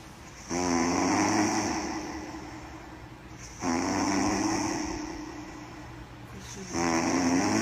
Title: snore loud